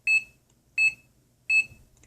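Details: Steady high-pitched beeps from a piezo buzzer on a homemade basic two-lead EKG heart monitor (MT-1000), one per heartbeat while the user holds both leads steady; about 83 per minute: a regular heart rate tracked by the device.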